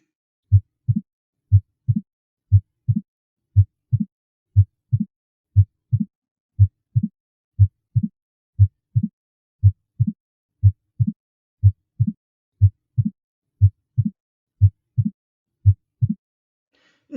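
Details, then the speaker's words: Regular heartbeat at about 60 a minute with a sharp extra sound just after the second heart sound, in diastole: opening snap of a valve, typical of mitral or tricuspid stenosis with calcified leaflets. "é um som de 30 é o som do estalido de abertura da válvula e muitas vezes quando o indivíduo tem estenose mitral ele tem um sopro"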